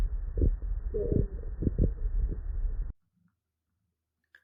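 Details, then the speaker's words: Faint, low-pitched tapping beats recorded through a stethoscope over the arm artery while taking a blood pressure, listening for their start and stop against the dial. Korotkoff sounds. "you're listening for these little beats are kind of low pitched you're listening for them to start and then you're listening for them to stop"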